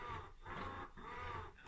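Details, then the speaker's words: Ameda double electric breast pump at full suction and full speed, mother seated on the floor: rhythmic whirring motor cycles, about two a second, each rising and falling. "so now sat on the floor you can hear I've got the pump go in and again it's quite noisy and I always put on full suction and full speed"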